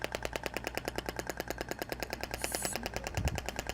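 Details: Radial shockwave device (Thork, max 200 mJ) firing a rapid, regular series of sharp clacking pulses while treating a muscle trigger point, about 1,000 shots per point, in a practical physiotherapy training demonstration.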